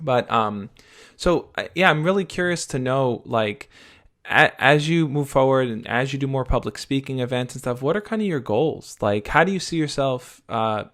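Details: Adult male speaker; fluent speech.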